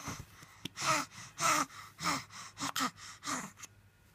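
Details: Young child crying in short, rapid bursts with harsh, noisy gasping breaths and a couple of brief coughs from croup.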